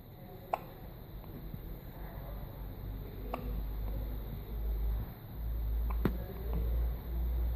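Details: Newborn just hours after birth with hiccups; three soft, sharp hiccup clicks about one every three seconds over a low room hum.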